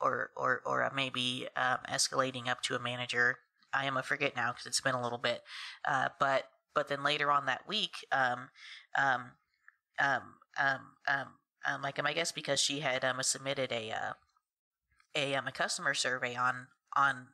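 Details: Adult woman who has stuttered since about age three; stuttering.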